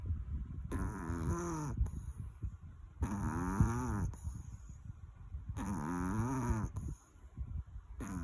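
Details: Loud, rattling, whistling snores on each breath, about 24 a minute, from a sleeping Chihuahua dog; snoring.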